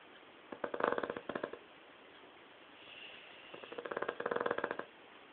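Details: Snoring from a dog: two bursts of fast, fluttering rattles with a quiet pause between.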